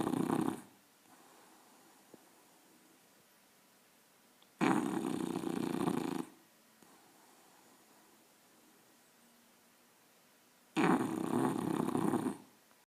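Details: English bulldog puppy asleep, snoring loudly every time it sleeps: harsh snorting snores about every six seconds with silent pauses between; heavy snoring.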